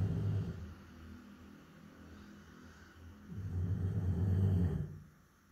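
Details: Labrador retriever snoring while asleep: low, rumbling, fluttering snores, with two loud breaths separated by a quieter stretch, from vibrating soft tissue of the mouth and throat.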